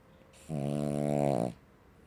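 A single loud, buzzing, rattling inward breath lasting about a second from a sleeping dog; snoring.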